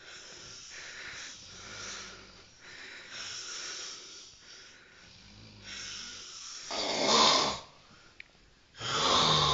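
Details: Snoring through the night: breathy, hissing snores repeating irregularly, some louder and harsher toward the end.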